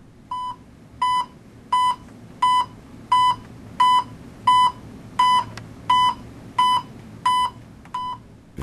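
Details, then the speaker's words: Regular short electronic beeps at about 87 per minute, one per detected pulse, from a pulse oximeter in a quiet room, with the volume set to a comfortable level and never muted. "ajuste le volume du son à un niveau confortable ne jamais couper le son"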